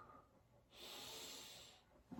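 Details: A normal deep breath during a thorax and lung examination.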